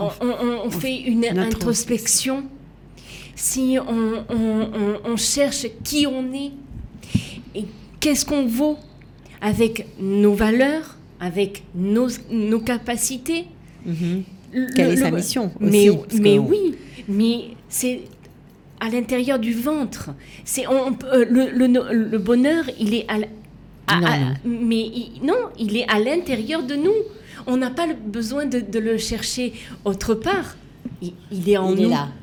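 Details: Woman who had a stroke at age 19, left with aphasia, a language disorder, and right-sided hemiplegia; for years could not place her tongue correctly and still struggles today; residual speech difficulties; aphasia.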